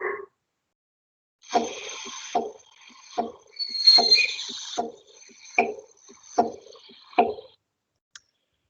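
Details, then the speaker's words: Tricuspid/pulmonary valve disease teaching recording, from congenital pathology or pulmonary hypertension: regular, thin heart sounds near 75 a minute, with a split second sound plus third and fourth heart sounds. "se encuentra desdoblado y hay presencia del tercer tercer y cuarto ruido lo vamos a escuchar más o menos así"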